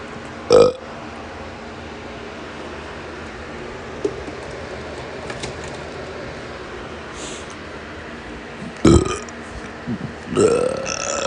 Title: Excessive Burping Video ORIGINAL